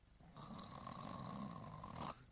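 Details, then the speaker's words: A single long, rough, rattling snore of about two seconds from an animated TV show (The Simpsons), simulated snoring. "никогда ни за что привыкну я к своему храпу как привыкла говорить Джордж Буш младший к тому же ты в постели издашь и интересные звуки"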